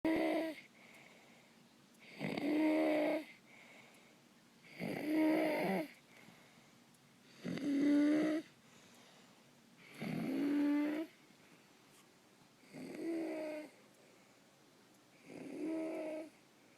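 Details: Nine-year-old child asleep: loud, harsh, deep-pitched noisy breaths recurring regularly, about 23 a minute; stridor during sleep.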